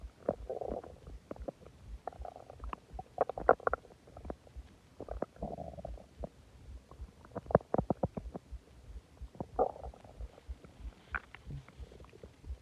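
Repeated gurgling and low groaning bowel noises in bursts, loud stomach growling after a large meal with soda; normal gut activity.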